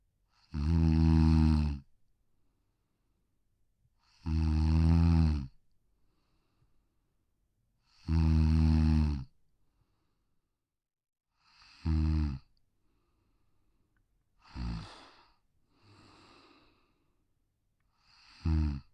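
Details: Sleeping Pug, a brachycephalic short-muzzled breed, snoring softly on a deck in rhythmic, rumbling, buzzy bursts, about 16 a minute: snoring in a brachycephalic dog.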